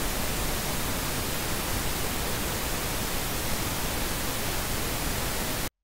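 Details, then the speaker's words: Tinnitus masking noise from Phonak Lumity hearing aids (Tinnitus Balance feature): a steady, even hiss of shaped broadband noise, with hearing-loss-matched, white and pink noise options, customizable by graphic equalizer. "Re gona re na le lešata le lešweu gomme mafelelong, lešata le le pinki."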